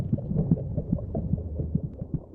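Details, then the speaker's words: Muffled low thuds under a rumbling whoosh, a simulation of sounds heard inside the womb: the mother's heartbeat and the fetus's own heartbeat racing at twice her speed. "She can also hear the competing thud of heartbeats, her own racing at twice the speed of her mother's, both her constant companions during her time in the womb."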